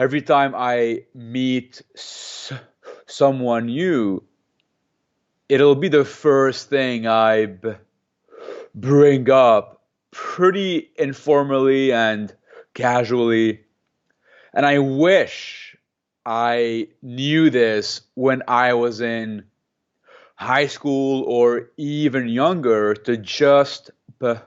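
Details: Stuttering in an adult man who has stuttered since age 3, with repetitions of some sounds.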